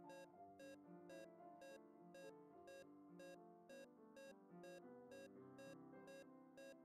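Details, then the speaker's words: Simulated LLEAP patient monitor: as the arterial blood pressure crashes and perfusion falls, the SpO2 pulse tone gives way to the ECG pitch. "note spo2 tone gives way to ecg pitch has the arterial bp crush"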